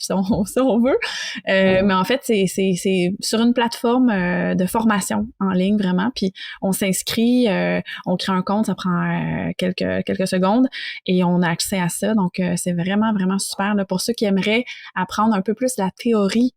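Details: Adult man who stutters, founder of a French public-speaking contest for people who stutter; stuttering.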